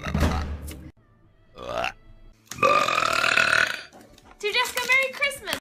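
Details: A girl burping: several loud, voiced belches of varying length in a row, one long and drawn out, with music behind.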